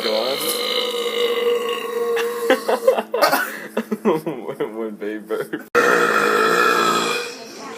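A long, loud, rumbling belch that breaks into a series of shorter croaking burps, then a final sustained belch.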